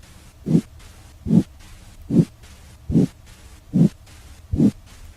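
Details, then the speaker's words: Example abdominal bruit heard with a stethoscope over the aorta and renal arteries during an abdominal exam: regular soft whooshing pulses about 73 a minute; in hypertension it raises suspicion of renal artery stenosis. "a patient with hypertension, a brewy raises suspicion of renal artery stenosis. But most breweries have other causes."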